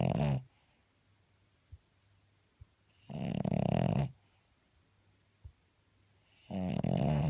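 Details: Sleeping dog snoring: loud rumbling snores about every three seconds, with quiet gaps and small clicks between them.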